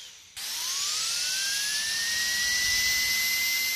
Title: Dentist Drill Sound Effect